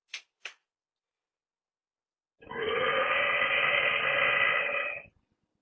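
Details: Girl giving deep, loud, long burps during a mukbang: two brief throaty catches, then one long, loud, drawn-out tonal burp lasting nearly three seconds; burping.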